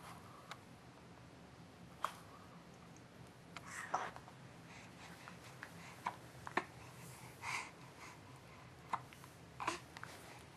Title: 4 Month Hiccups and Babbles(1/2)